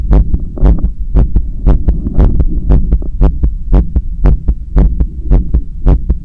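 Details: Fast, regular paired heartbeats at about 115 a minute through a stethoscope held on the chest during bicep curls with a resistance band, with rubbing noise; quickened heart rate during exercise.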